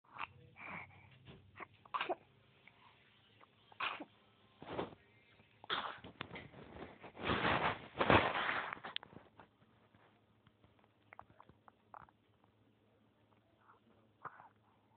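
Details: Baby sneezing in a run of short, sharp sneezes with snuffly breaths between; she always sneezes 3-4 times in a row, gets chills and wiggles her arms.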